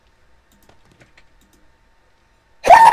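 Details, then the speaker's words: Adult gamer sneezing during voice chat: faint keyboard clicks, then a sudden loud, shrill, almost scream-like sneeze, cut off at the end. "Sorry, I had to sneeze. Mute button. No, but that sounded like a woman screaming at first."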